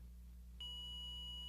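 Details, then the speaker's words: ZOLL M Series defibrillator in-service training: after the charge button on the apex paddle is pressed, a steady high-pitched continuous tone starts abruptly over low room hum; the charge ready tone, showing the device is charged to the selected energy. "the charge indicator on the apex paddle will light the charge ready tone will sound and the energy display will show ready and the selected energy level"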